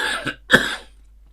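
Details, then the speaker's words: Adult man with a bad cold and hoarse voice: a rough throat clearing followed by one sharp, harsh cough. "By the way, if I sound a little bit hoarse, it is because I have got an awful cold at the moment. So it's taking part of my voice out."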